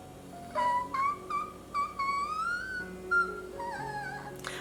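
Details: Vocal stimming in an autistic adult woman: humming done since infancy and still ongoing, varying with the song or sound heard, described as non-interactive echolalia used for stimming, regulation and concentration.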